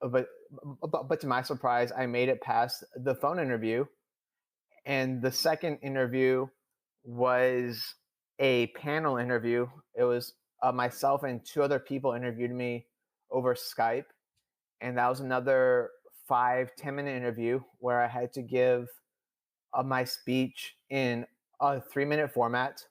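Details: Adult male who stutters, speaking in real conversation; stuttering.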